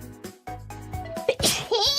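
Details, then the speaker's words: Sneezing from a VTuber during a gaming stream: sudden sneeze bursts over background music and voices. "Get it if you're going to sit there and sneeze."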